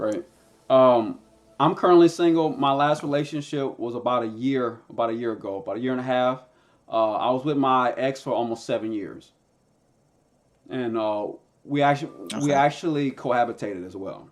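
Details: Adult man who stutters; his stutter is situational and anxiety-driven, worst when introducing himself or saying his name, with blocks, tics and eye closing; stuttering.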